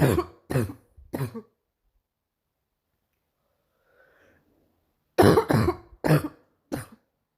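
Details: Morning cough: two bursts of harsh coughing in a quiet room, three coughs, a pause of several seconds, then four more; seven coughs in all.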